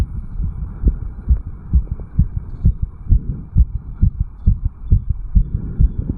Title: 34 Year Old Male Fast Heartbeat Recording. 160 to 180 BPM, Jogged up Bel Air Cairns.